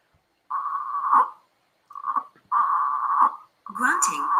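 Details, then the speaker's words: Repeated short, tonal moaning grunts with each breath out, possibly sounding like snoring or singing: expiratory grunting in a child, a sign of breathing difficulty, presented among COVID-19 symptoms in children. "may sound like snoring or singing. So that is the sound of a child grunting. So if the grunting sound is made, that means child is having difficulty breathing."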